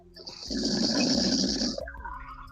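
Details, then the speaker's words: Man who fell asleep during a live online stream: a single long, rough, rattling snore on one breath, with a brief snort at its end; ordinary snoring. "He probably won't hear it over his own snore, though."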